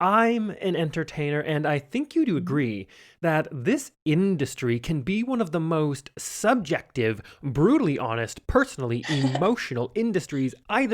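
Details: Adult speaker; typical speech.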